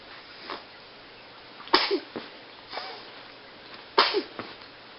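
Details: 2½-month-old: a few abrupt, partly held-back bursts with short breaths in between, against faint background hiss; stifled sneezes.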